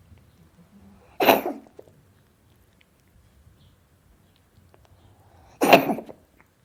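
Two short, sharp cough bursts from a cat, several seconds apart, in a quiet room.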